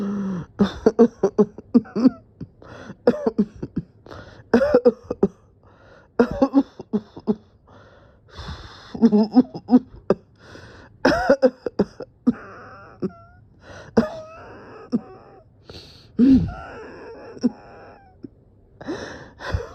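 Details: Repeated short coughing bursts and throat clearing, with breaths between them, in a small room; the person felt dizzy and thought they would pass out.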